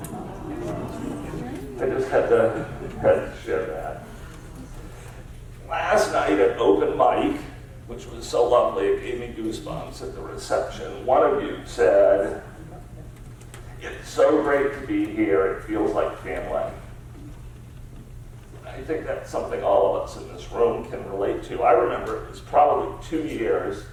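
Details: Adult man with spasmodic dysphonia diagnosed about seven years earlier, a rare neurological disorder affecting only speech with no known cause or cure; treated with periodic Botox injections; voice use not consistent or comfortable; spasmodic dysphonia.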